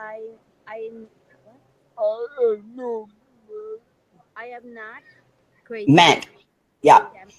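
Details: Adult man with severe cerebral palsy; dysarthria due to cerebral palsy.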